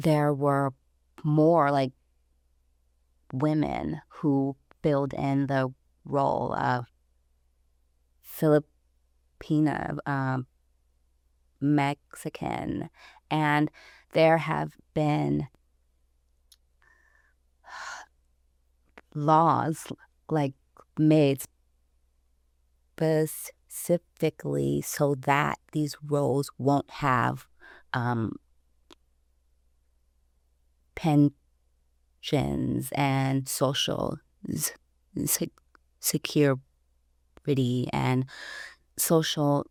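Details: Stuttering in an adult woman, about 29 or older, who self-identifies as a person who stutters; pauses between phrases; stuttering.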